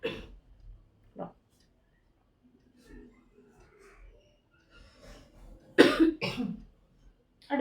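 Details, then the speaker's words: Several short dry coughs with quiet breathing and faint murmuring between; recurring cough that had cleared and returned, attributed by the speaker to allergy from fabric dust. "ചുമ മാറിയതാ വീണ്ടും പിന്നെ വന്ന്. ഈ തുണിയുടെയൊക്കെ പൊടി കാരണം അലർജിയുടെ ചുമയാണ് കേട്ടോ."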